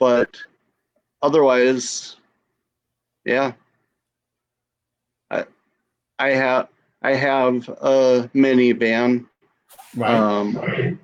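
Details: Adult female stroke survivor with aphasia after her stroke; aphasia after stroke.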